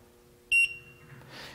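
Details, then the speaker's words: A single short high-pitched double beep in a quiet room: an oxygen concentrator's intermittent power-loss alarm after being switched on without power. "and what's going to happen is you're going to get some beeps which would be a power loss beep and it's going to be an intermittent beep as you're hearing right now"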